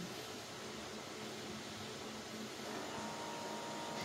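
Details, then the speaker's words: Omron HEM-7156T-A automatic upper-arm blood pressure monitor, used at home by an adult nearing 60 with hypertension, re-tested after an E5 error from movement: steady motor whine rising slightly in pitch as the pump inflates the cuff; normal device sound. "yun nag-in inflate na siya Okay na pag mag-move ako nagmo-move ako"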